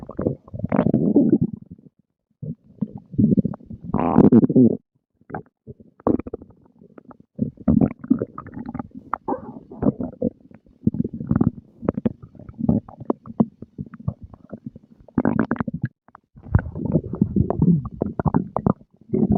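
Repeated low gurgling and rumbling bursts from the abdomen, typical stomach growling of normal digestion after eating.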